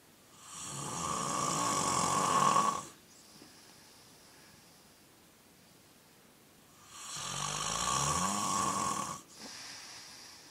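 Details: A sleeping animal gives two loud, rattling, gurgling snores several seconds apart, harsh and raspy on each breath; owners say it sounds like drowning and wonder whether it needs a doctor.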